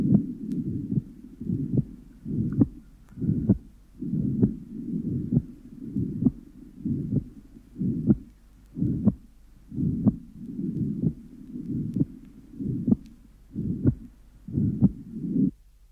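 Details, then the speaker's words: Mitral regurgitation systolic murmur with widely split second sound, soft aortic and fairly loud pulmonary component, regular beat near 62/min. "the second sound is widely split with a soft atic and fairly loud pulmonary component"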